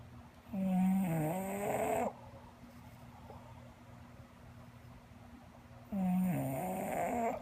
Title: Sleepy English bulldog snoring